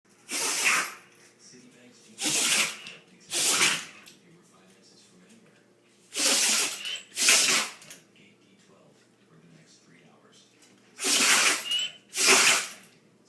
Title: Rottweiller has a sneezing attack